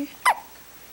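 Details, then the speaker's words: A baby girl with one short, squeaky hiccup, likened to a squeaky toy, in a quiet room; infant hiccup. "Are those pesky little hiccups? You sound like a squeaky toy."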